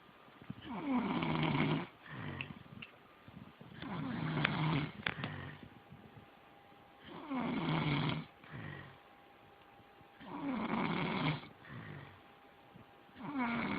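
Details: Snoring while asleep: regular rumbling snores on breathing in with shorter softer out-breath sounds, about 19 breaths a minute, ordinary snoring.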